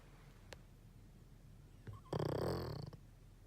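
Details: Sleeping dog: a soft click, then one short rattling, fluttering breath noise, a single snore in a quiet room; snoring.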